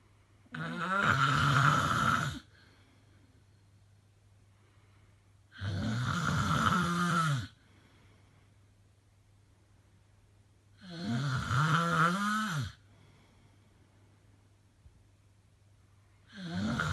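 Loud, harsh, rumbling snores on each breath in, about 12 a minute, with quiet pauses between them. Heavy snoring.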